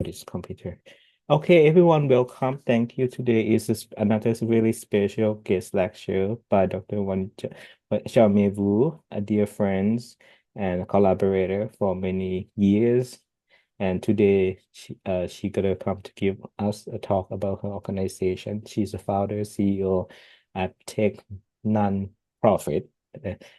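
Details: Adult male speaker; normal speech.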